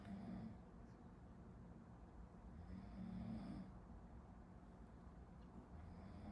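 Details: Someone sleeping behind a medical student studying, recorded as a study-with-me: low, rough rumbling snores about 20 a minute under steady room noise; snoring.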